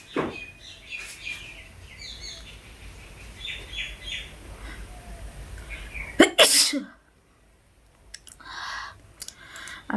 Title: Sneezing 🤧🤧 challenge and hocking sound spit#sneezing#spitchallange#hocking#subscribe to my channel😍